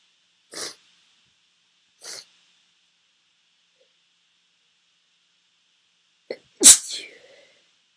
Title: Sneezes, Sniffles and Nose blowing (F)